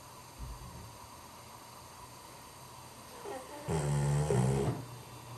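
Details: Dog snoring, with owner wondering about nasal strips for dogs: one deep, rattling inhaled snore over low steady room noise; ordinary snoring.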